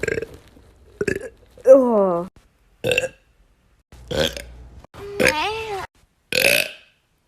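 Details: Girl burping: several loud, drawn-out voiced belches with brief gaps between them; repeated burping.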